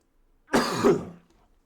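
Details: A single loud, harsh cough with a throat-clearing quality, from a person coughing repeatedly while talking.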